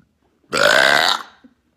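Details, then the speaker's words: Female burping: one loud, prolonged voiced belch lasting under a second. "That little burp. That was so loud. I literally heard this."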